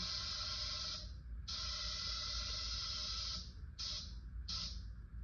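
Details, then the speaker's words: Loud rushing hiss of oxygen flush filling the reservoir bag of an anesthesia machine, pop-off valve closed, during a leak/pressure check with no gauge; oxygen flush. "So we still use the O2 flush, and at this point we would only fill it till it is full, since we don't have a gauge to read."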